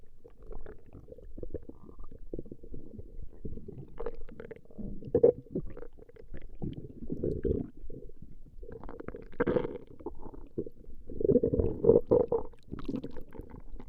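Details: Recording of a woman's stomach growling: low gurgling, rumbling abdominal sounds throughout with louder bubbly surges; ordinary borborygmi.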